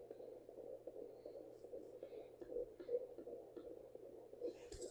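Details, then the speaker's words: Fast, soft whooshing pulses on a home fetal Doppler, fetal heartbeat about 158 beats a minute, found low on the abdomen at 15 weeks in a high-risk pregnancy (maternal age over 35, high BMI). "I'm going say that's the baby. And if you like to test it against your own heartbeat, you can put it up here. And and no, my my heartbeat's much slower."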